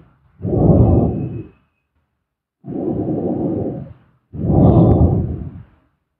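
Three slow, deep, rumbling snores with quiet pauses between them.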